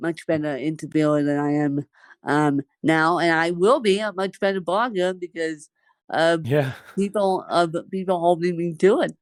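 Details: Adult woman who has lived over 30 years with cerebral palsy, speaking in an interview; dysarthria (cerebral palsy).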